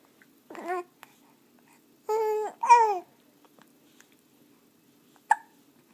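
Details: Several brief, abrupt vocal catches with soft, squeaky voicing, spaced a second or more apart, from a 4-week-old infant; infant hiccups.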